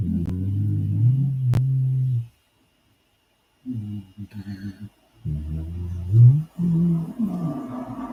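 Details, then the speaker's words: Sleeping female dog snoring: low, rumbling, throaty snores with faint background music. "You hear the dog? Oh, it's asleep. There she is. You're snoring a minute."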